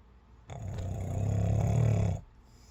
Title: SNORE BORE